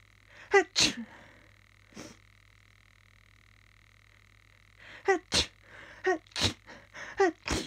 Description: Trying to catch some sneezes into a tissue. Achoo!